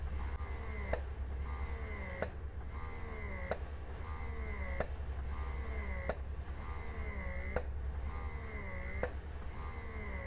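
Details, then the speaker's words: Portable electric breast pump switched to suction mode and run through levels 1 to 9. Steady low motor hum with regular suction cycles, about one every 1.3 seconds, each ending in a sharp release click. "Kemudian untuk memindahkan dari mode pijat ke mode hisap maka kita bisa menekan tombol power lagi seperti ini sebanyak dua kali kemudian kita akan melihat bagaimana reaksinya ketika dia menghisap di level 1 sampai dengan level 9"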